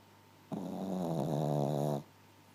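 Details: A single drawn-out, buzzing, slightly whiny snore lasting about a second and a half from a sleeping puppy; harmless puppy snoring.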